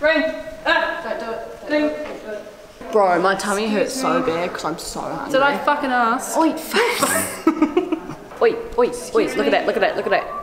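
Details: Host with Tourette syndrome speaking in public at a museum, with sudden swearing and interjections; vocal tics (Tourette syndrome).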